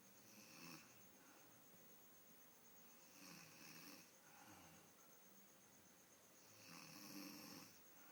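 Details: Grandmother snoring while asleep: soft, rasping snores, about three over eight seconds, with quiet breathing between in a still room.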